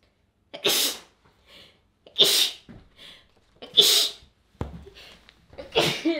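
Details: An adult reading aloud gives four sharp, forceful sneezes in a row, each preceded by a brief quick intake of breath.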